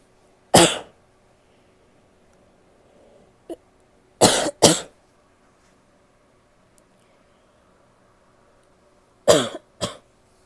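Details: Female adult coughing: five harsh, abrupt, somewhat barking coughs, given singly and in pairs.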